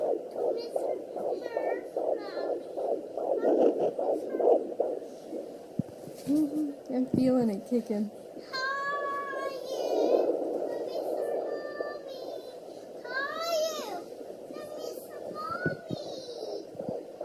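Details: Sonoline B fetal Doppler at 19 weeks 4 days: a rapid, whooshing fetal heartbeat broken up by thumps and whistling sweeps as the baby kicks. The displayed rate was inaccurate because the baby moved so much.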